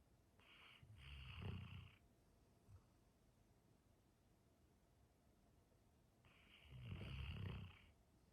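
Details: Labrador retriever snoring while asleep: two long, low, rattling snores about five seconds apart, each with a breathy hiss, over quiet room noise.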